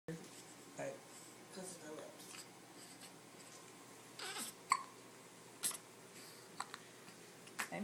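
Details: Infant's morning hiccups, which reliably follow every feeding: faint, short, abrupt catches repeating every second or so over quiet room noise.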